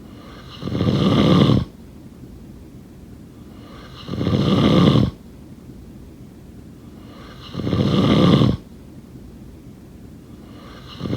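Loud, regular snores on each inward breath, about 18 breaths a minute, with quiet pauses between.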